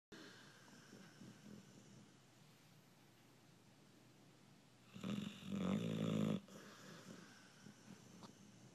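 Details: Sleeping American Bulldog: soft noisy breaths, then one loud, rattling, vibrating snore on an in-breath; snoring.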